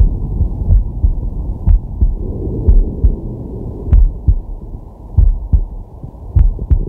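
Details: Resting man's heart heard through a digital stethoscope on his chest: steady paired lub-dub beats at about 46 to 48 a minute with deep breathing noise, normal heart sounds.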